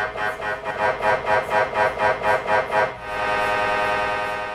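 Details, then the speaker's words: Children's MRI scan: the child lies in the tunnel while the technologist operates the scanner from behind glass. Loud rhythmic electronic pulsing at about two beats a second, then a steady droning tone, the normal noise during scanning. "de laborant gaat achter de computer zitten om het apparaat te bedienen zij kan jou zien door het glas en op het beeldscherm van de camera er wordt nu gescand zo kan het lawaai klinken"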